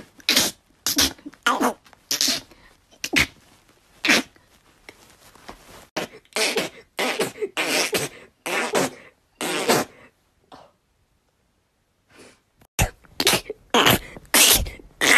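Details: Rapid run of sharp, explosive sneezes, one after another with brief pauses; compilation of rapid sneezes.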